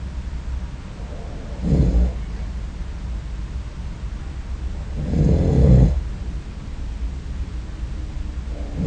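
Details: Two low, rumbling snores over about nine seconds with steady low background noise, recorded by a snore-recording app during sleep; snoring.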